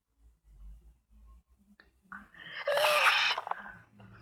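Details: A girl sneezes with her eyes open: quiet breaths, a short indrawn breath, then one loud explosive sneeze with a hissy release.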